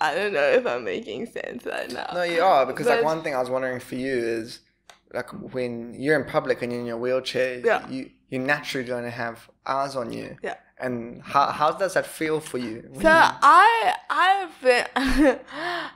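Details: Adult conversational speech, two speakers; typical speech.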